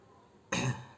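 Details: A single short, harsh cough from the speaker bursts out during a talk, after a moment of quiet room noise; cough.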